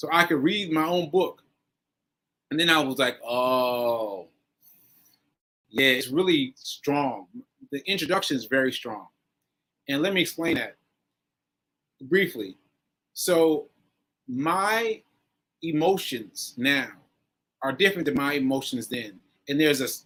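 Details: Post-stroke aphasia in a male, stroke on 7/14/22, recorded about a year later during ongoing recovery; word-finding pauses with fillers and restarts.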